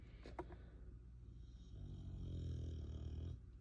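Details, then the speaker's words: Dog snoring while asleep under a desk: a low, rumbling, fluttering inhalation builds over a few seconds, with a brief click early on, in a quiet room. "That was Bruno. I promise that was not me if you heard that. My dog sleeps under my desk as I work and he he is a snorer."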